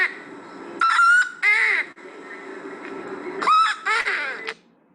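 Two bursts of crying and effortful breaths with a thin, very high-pitched, steady whistling noise: high-pitched stridor from bilateral vocal cord paralysis.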